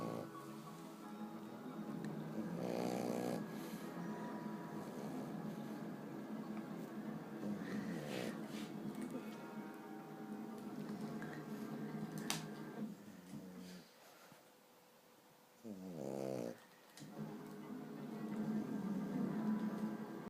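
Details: French bulldog sleeping on his back, snoring: rough, rattling snores from a flat-faced dog, with music playing throughout.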